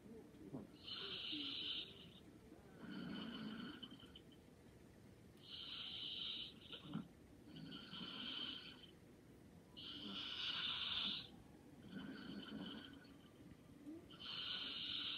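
Soft, hissy snores on each breath in, about 14 a minute, with quieter breathing between; light snoring during sleep.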